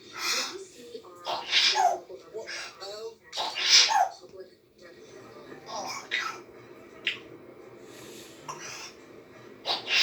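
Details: African grey parrot doing its sneezing act: repeated short, hissing sneeze-like bursts; imitated sneezes, not real sneezing.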